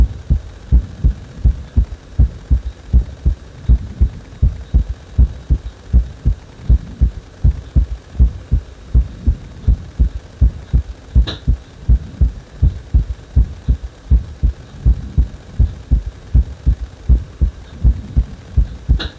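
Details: Heart beating faster on its own after compression: strong, regular low thumps at about 80 beats a minute over a faint hum; rapid heartbeat.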